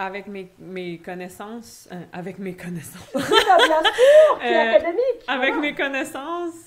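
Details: Adult woman who stutters, speaking French; stuttering.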